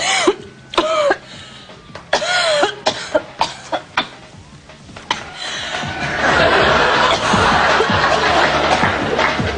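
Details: Coughing by actresses.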